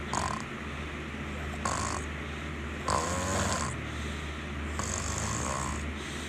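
Soft, irregular snorting breaths at short intervals over a steady low hum; light snoring sounds.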